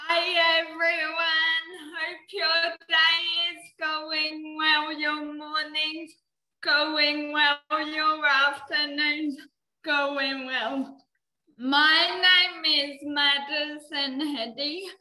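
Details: Dysarthria in a 19-year-old woman with cerebral palsy, which she says affects her mouth muscles; she could not walk or talk until age eight.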